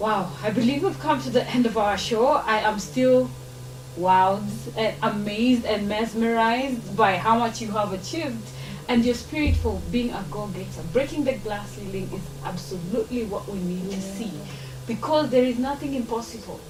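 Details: Adult woman speaking; normal speech.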